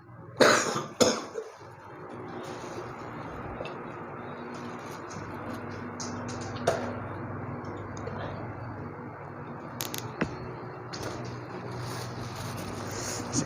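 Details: Man with cough and runny nose (flu) during a spice-smoke nano-particle therapy session: a few loud, harsh cough bursts early on, then room noise with occasional clatter; cough with a cold.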